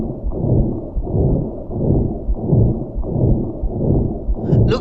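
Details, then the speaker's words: Continuous machinery-like whooshing murmur that lasts through the whole cardiac cycle, heard at the left sternal border and suggestive of patent ductus arteriosus. "like continuous murmur. The murmur is present in throughout the cycle. This murmur is present throughout the cycle."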